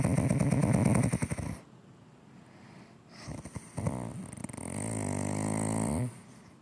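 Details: Mother snoring: loud, deep, fluttering adult snores with a low rumbling buzz and a quieter pause between breaths.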